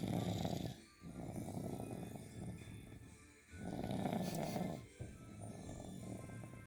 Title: Big Snores